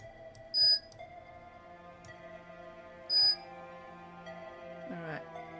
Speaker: my insulin pumps decided to start beeping at me right as i start my stream